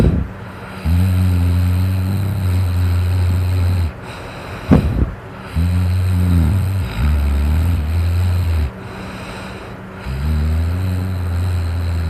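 Loud, deep, rattling snores on long breaths, about three in twelve seconds, with snorting between; heavy snoring.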